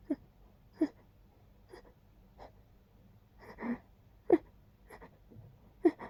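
Short catching breaths come at uneven intervals, the quick gasps that build up before a sneeze, with no full sneeze yet.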